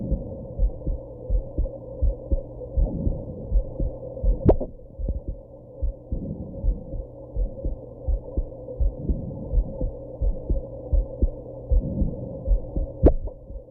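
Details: Heartbeat with hiccups after smoking and drinking a little at a birthday: steady low thumps of about 82 a minute, with two sudden sharp hiccup jolts over a constant low hum.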